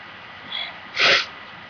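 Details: A single sneeze from a person with allergies: a soft breathy intake followed by a sharp, hissing burst of air.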